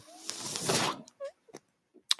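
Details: The speaker's own mechanical ventilator, heard during a spoken podcast recording: a rising mechanical whoosh of air lasting about a second, then a few soft clicks and a short tone, mechanical ventilator noise.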